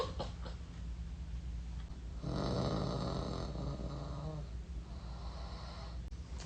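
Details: Person recording their own sleep to check for sleep talking; a low rumbling snore lasting a couple of seconds in a quiet room: snoring.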